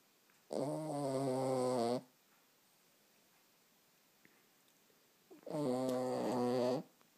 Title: Macro Snoring